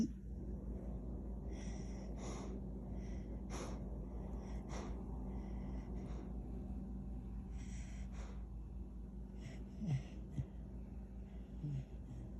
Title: Dog snoring and dreaming.. well sometimes he thinks his human lol #doglife #spolieddog